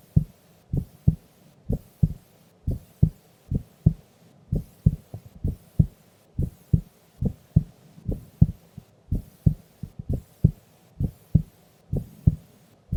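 Steady, regular paired low thumps of a resting heartbeat with no added sounds; normal heart sounds during sleep.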